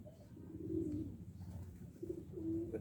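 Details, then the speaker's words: Stethoscope on the abdomen of a Garut sheep with diarrhoea and digestive bloating: frequent, loud, low gurgling, watery rumbles of very high peristalsis, while rumen movement stays normal; increased intestinal sounds (hyperperistalsis). "Ini gerakan peristatiknya sangat tinggi, dengarkan. Ini gerakan peristatik itu gerakan khusus sama suara air."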